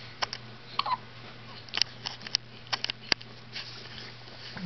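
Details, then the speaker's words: Infant girl with hiccups: soft, brief clicking catches recurring irregularly over a few seconds against quiet room hum; she seems hungry before a feed. "it looks like you do. Yeah, she got the hiccups."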